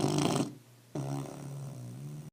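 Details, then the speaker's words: A tired dog sleeping after a trip to the mall, with an owner-described snoring problem: a harsh snorting snore, a pause, then a long, steady droning snore on the next breath. "all right so now you know my dog has a snoring problem Mandy do you know how much you're snoring"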